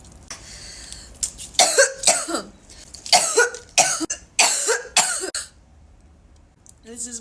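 An adult gives a run of about six harsh, partly voiced coughs after inhaling vapour, then quiets.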